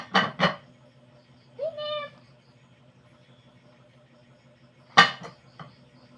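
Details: Ordinary adult cough: a pair of short, sharp coughs, a brief voiced sound, then another cough burst over a low room hum; shown alongside an old cough remedy called "to-ob".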